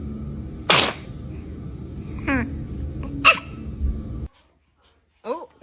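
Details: Small, sharp repeated sneezes from a baby over room noise, with an adult voice reacting and saying "bless you" between them.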